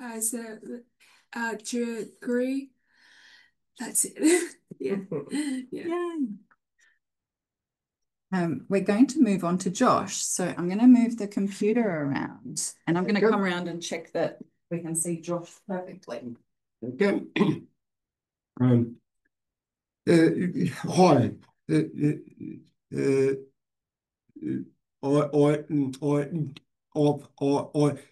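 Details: Adult man with aphasia after a stroke 6 years earlier, hospitalized 6 months, reporting difficulty speaking and not reading since; aphasia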